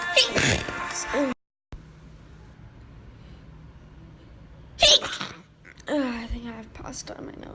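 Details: A single loud, sharp sneeze after a quiet stretch, with voices and music around it, from a sneeze compilation.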